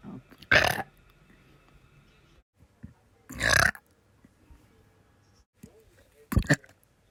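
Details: Burping: three loud, rough, gurgling belches a few seconds apart in a quiet room.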